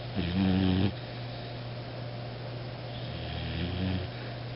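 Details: Kinnick, a sleeping Beagle dog, snoring: two low rumbling snores, each on an in-breath, with steady room hum between.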